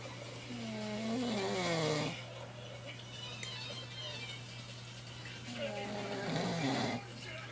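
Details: A sleeping father snoring in the background until a cell phone rings: two drawn-out, groaning snores over a steady room hum; sleep snoring.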